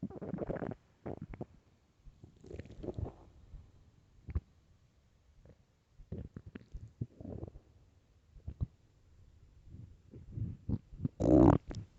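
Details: Empty stomach: irregular gurgles, squeaks and brief rumbles in a quiet room; stomach growling (borborygmi).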